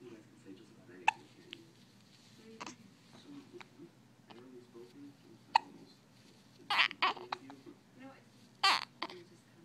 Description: Yes, I felt the need to record her hiccups